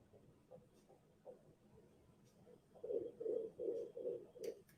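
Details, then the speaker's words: Fetal heartbeat heard on pregnancy ultrasound: rapid, regular whooshing pulses at about 155 a minute. It is the mother's first time hearing her baby's heartbeat. "So when I watched this, this is the first time she's hearing the baby's heartbeat."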